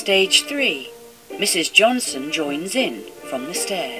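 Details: Adult female narrator; normal speech.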